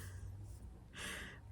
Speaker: Do you hear the little cat snores? There's little little honking noises coming from about 2 feet off camera. That's the cat snoring, so, I can't stop her.